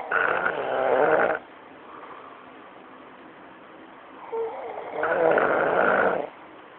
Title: elmo snoring